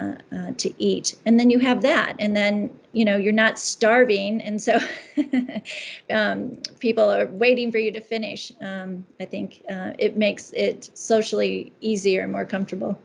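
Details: Adult woman speaking; Normal speech.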